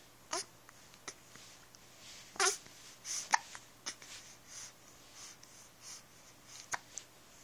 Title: mm hiccups